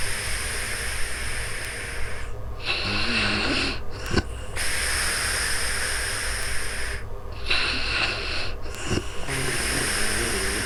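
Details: Sleeping person recorded in real time on a new microphone: two slow breath cycles, each with a rough, snorting snore and hissy out-breath over steady room noise, snoring at about 11 breaths a minute.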